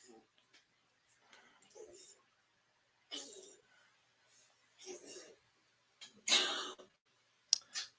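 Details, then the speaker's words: An old dog coughing: a run of about five short, dry, harsh hacking coughs in a quiet room. "would be the sound of my dog coughing he's an old dog he's no pomeranian brady everybody"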